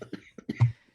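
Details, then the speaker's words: Adult podcast host coughs: a brief cluster of throat noises ending in one strong, low, explosive cough burst, just before apologizing for missing the mute button. "I'm so sorry I was trying to get to the mute button and I didn't man turn the camera off instead I did I turned the camera off I was trying to mute for that cough"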